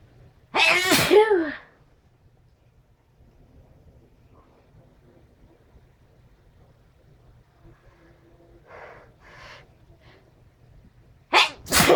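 Loud explosive sneeze, a quiet pause with faint breaths, then another sharp sneeze starting at the end.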